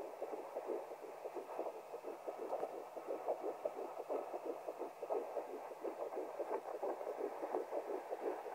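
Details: Early fetal heartbeat at 10 weeks 3 days of pregnancy, heard through a fetal Doppler: fast, rhythmic whooshing pulses, heard as normal.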